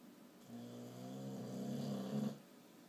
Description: Boxer pup snoring